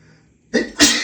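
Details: Single forceful adult sneeze, possibly male, during a post-shower sneezing fit: quick hissing intake then sharp explosive burst of air; allergies flared by hotel soap fragrance; sneezing.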